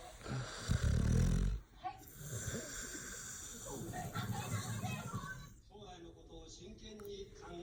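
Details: Pitbull dog asleep: a loud, low, snorting snore followed by softer rumbling breathing noise, with some background sound; the dog is said to snore habitually.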